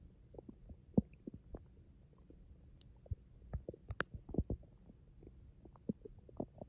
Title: My stomach growling rumble 😩